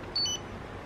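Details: Arkray Glucocard S blood glucose meter: a single short, high electronic beep over quiet room noise when the test strip is inserted, signalling that it is ready for blood.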